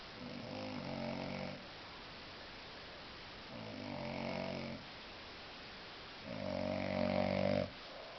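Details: Very drunk man sleeping off a heavy session: three loud, rattling, buzzy snores about three seconds apart, roughly 20 breaths a minute, with quiet pauses.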